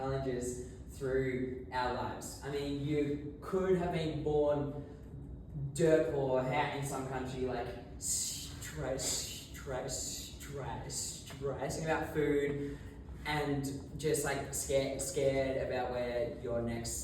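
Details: Adult male who has stuttered since about age 6, giving his first Toastmasters speech while very nervous; stuttering.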